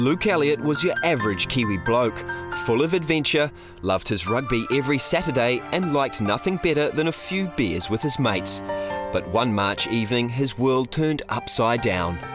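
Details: Adult male narrator; normal fluent speech.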